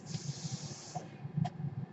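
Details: A steady airy hiss for about a second, then a brief second puff over a low hum: the breath cycle of the speaker's own home mechanical ventilator.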